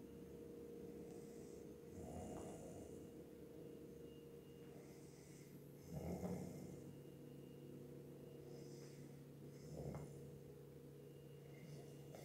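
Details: Bear snoring: slow, low rumbling breaths with a few louder snorting peaks over a steady background hum, snoring in sleep.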